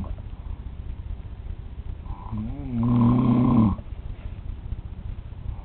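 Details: An adult man (a father) snoring in sleep at 3 a.m. while on a trip: one loud, deep, rattling snore on an in-breath lasting about a second, over steady room noise; heavy snoring.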